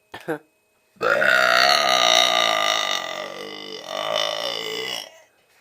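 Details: Deliberate, performed prolonged belch: a brief throat sound, then one long, loud, voiced burp lasting about four seconds; the burper reports a headache and sore throat afterward.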